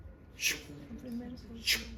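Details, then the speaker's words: Vocal imitation of a systolic heart murmur, a blowing sound in systole, demonstrated in a basic support class; not a real heart recording. "Cómo cómo identificaría el soplo Donde ha sido en la sístole o en la diástole sístole diástole Qué tipo de soplo es no es un soplo sistólico pues soplo sístole diástole sístole diástole"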